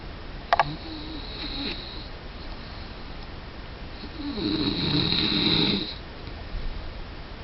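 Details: Snoring during sleep: a sharp click, then a rattling, vibrating breath over background hiss.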